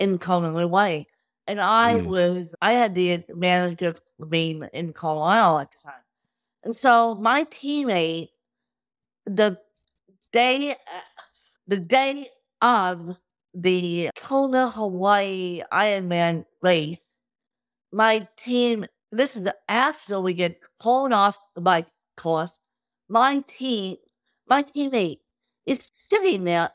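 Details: Adult woman with cerebral palsy since birth, caused by lack of oxygen at birth; wheelchair user who reports difficulty speaking, sitting up and eating, and tires easily: dysarthria (cerebral palsy).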